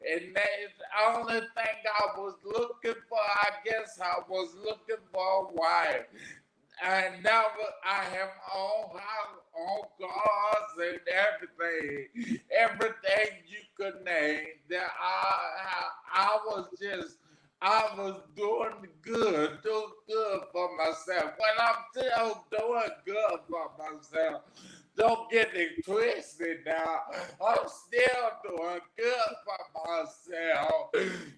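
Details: Adult man, 41, with aphasia after three strokes, the first at age 27 caused by an arteriovenous malformation, about 13 years ago; garbled paragrammatic speech; aphasia.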